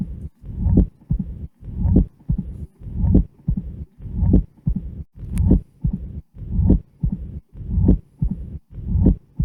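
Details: Patient with severe mitral stenosis and atrial fibrillation: slow, regular low heartbeat about 50/min with a low rumbling diastolic murmur filling the pauses; presystolic accentuation of the diastolic murmur is lost.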